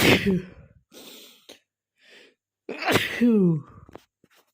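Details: Male sneezer, compilation of random and cold sneezes: two sharp, forceful sneezes, each after a brief inhaled build-up, with breathing between; sneezing.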